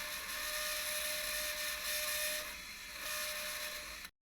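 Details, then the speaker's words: Lapidus procedure (first TMT fusion for hallux valgus), AO workshop: round burr on Colibri drill making a pocket hole in the first metatarsal, 2 cm from the TMT joint; high-pitched whine shifting in pitch, stopping abruptly. "the pocket hole will be made with the round bur attached to the colibri to to shape the pocket hole a vertical wall is made followed by a ramp coming up distally"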